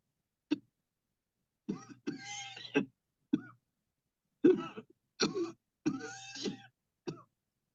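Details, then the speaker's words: Voluntary coughing on command during a remote cleansing-healing coughing technique demo: after guided deep breaths, about eight short, deliberate, partly voiced, quiet dry-sounding coughs in groups with pauses. "Okay, here we go. Breathe in deep, deep, deep, deep. Cough."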